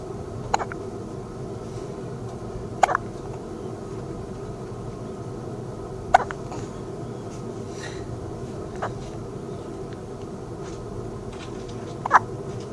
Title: Newborn with hiccups 20130205